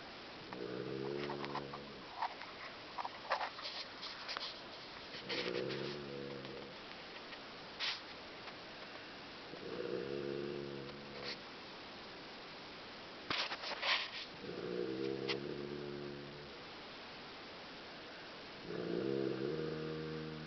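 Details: Person snoring: rhythmic buzzing, vibrating breath sounds about every 4–5 seconds, roughly 13–14 breaths a minute, with faint clicks and room noise between.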